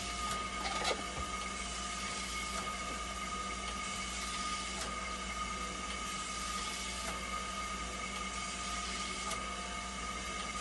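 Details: Steady machine hum with a constant tone and faint clicks from a hemodialysis machine running after a part was replaced, tested for a recurring flow error as conductivity stabilizes.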